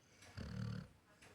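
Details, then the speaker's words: Pet dog asleep on a pillow beside its owner, snoring loudly like a person; owner says it snores even louder at night. "কেমন ডাং ডাকছে খালি শোনো একবার। পুরো মানুষের মতো নাক ডাকে ঘুমোয়।"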